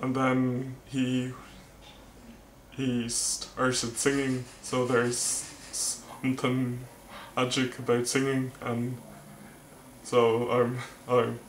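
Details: Male vlogger who stammers, speech with word repetitions; stuttering.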